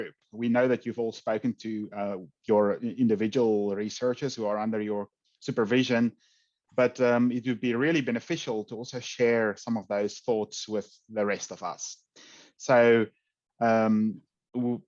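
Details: Adult male speaker; normal voice.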